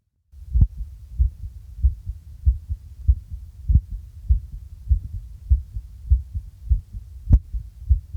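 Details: Test heartbeat recording with a makeshift microphone at the cardiac apex: regular low thumps at about 98 beats per minute, heart sounds.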